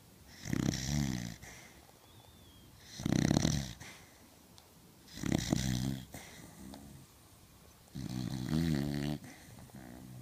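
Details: Sleeping dog snoring: four rattling, fluttery inhalations about 2.5 seconds apart, roughly 24 breaths a minute, with softer exhalations between.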